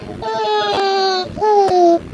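Two drawn-out, clear, high-pitched infant wails with brief breaks between them. An ordinary infant cry.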